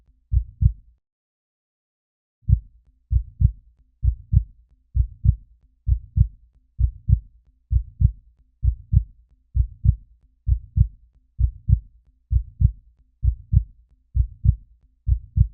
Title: SOUND EFFECT: Heartbeat #4